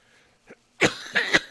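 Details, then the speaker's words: Adult having a night-time cough attack, described as recurring at night for unknown reasons: three harsh, forceful cough bursts in quick succession, preceded by a faint short throat sound. "Sorry, I had a cough attack. For what reason, I have no idea, but it always hits me at night for some reason."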